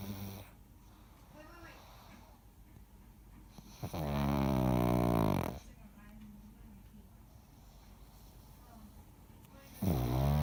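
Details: Snoring very loudly: deep, rattling snores lasting over a second each, separated by about five seconds of quiet breathing; heavy snoring.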